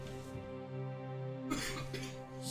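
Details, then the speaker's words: Adult woman with a respiratory illness, now at the wet cough phase: two or three short, muffled, loose coughs behind steady game music: wet cough. "as you can hear my wife's not feeling great she basically seems to have what I had although it seems to be going through her system a little faster than it did with me cuz you're already at the wet cough phase"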